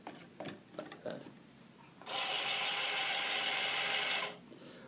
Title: Aseptico Peristaltic Infusion Pump